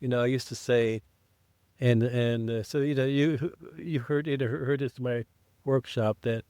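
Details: Adult man who identifies as a person who stutters, with blocks and prolongations, speaking in an English podcast conversation; stuttering.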